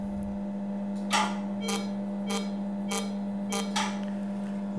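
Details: Pulsed CO2 laser treatment of facial sun damage (heliodermia) around the upper lip in a female former smoker: steady machine hum with a short snapping pulse roughly every 0.6 seconds at a regular cadence.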